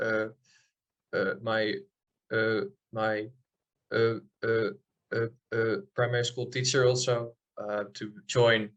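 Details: Adult man from the Netherlands who stutters, heard with audible repetitions such as "i i i'm" and "that that"; stuttering.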